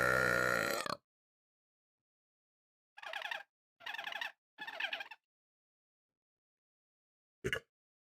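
Three rumbling, buzzy belches in quick succession, then a brief one; deliberate repeated burping.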